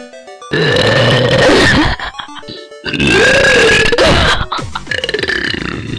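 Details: Girl, stated as genuine and not faked, producing two long, loud burps over background music; burping.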